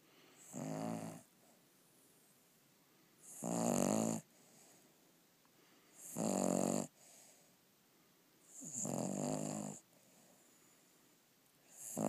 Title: Snoring